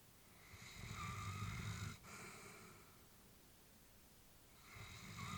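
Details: Elderly female Labrador sleeping: soft, low snoring on each breath with quiet pauses between; restful snoring during sleep.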